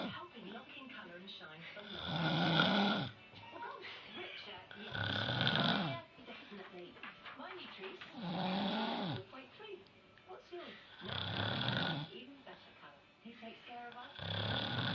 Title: she claims she don`t snore LOL